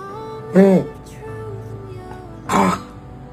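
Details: Dog (puppy) with kennel cough: two short, harsh, honking coughs over background music.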